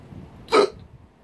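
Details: A single sharp, brief gulping hiccup over quiet room noise, from an adult with hiccups.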